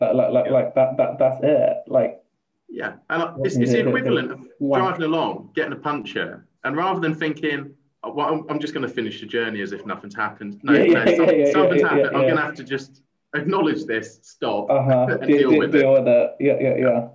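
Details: Adult man speaking in conversation; normal speech.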